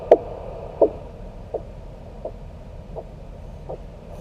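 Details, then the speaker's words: Handheld Doppler probe over the posterior tibial artery at the ankle during ankle-brachial index testing: regular pulsing whooshes about 85 a minute return over steady hiss as cuff deflates; systolic 140 mmHg. "And then slowly allow the air to come out. And we're looking for the number where we first hear the sound again."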